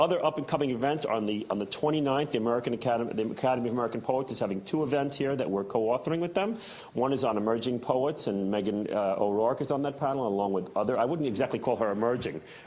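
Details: Adult man; typical speech.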